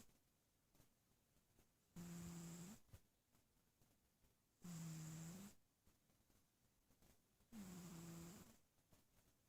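Three regular, steady snores with a low buzzing tone and a hissy edge, about twenty breaths a minute.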